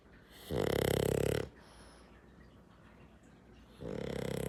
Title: Pug snoring #dog #entertainment